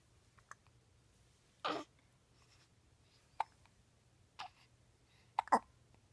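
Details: 10-day-old newborn baby with hiccups: four or five short, sharp hiccup sounds, irregularly spaced, in a quiet room.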